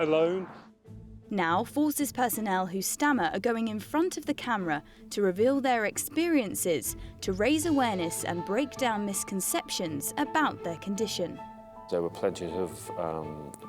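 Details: Adult female narrator with background music; fluent speech.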